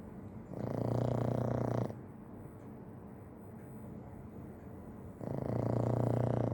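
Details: Two long, buzzing, vibrating snores from a sleeping dog, with quieter breathing between them; snoring.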